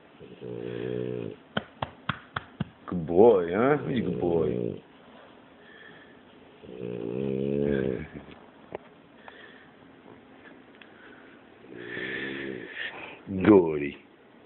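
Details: French Bulldog snoring loudly enough to keep the owners awake: loud, rattling snores with each breath, interrupted by snorts and clicks.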